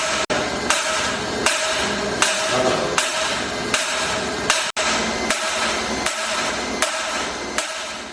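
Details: ESWL under general anaesthesia on an 11-month-old infant with an 11 mm kidney stone who had pain and restlessness: sharp regular loud clacks about 80 a minute over steady mechanical hiss, shock wave lithotripter firing.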